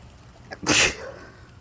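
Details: A single sharp, explosive sneeze after a brief quick breath in, recorded outdoors on a walk as it started raining, over faint background noise; one of a run of sneezes.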